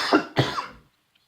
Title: Macho Sick? Cough Cough Edition